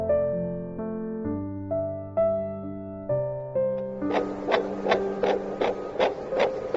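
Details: Keyboard tones, then rhythmic whooshing fetal heartbeat on a fetal Doppler, about 140 to 150 beats a minute.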